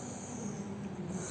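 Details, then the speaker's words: Harsh, continuous low buzzing noisy breathing from a patient with hoarseness for years and compromised glottic airway, tongue protruded to exaggerate it; biphasic stridor. "Now, if the stridor is not pronounced, you can ask the patient to, you know, keep the tongue protruding out. That exaggerates the stridor and you can hear the stridor more clearly."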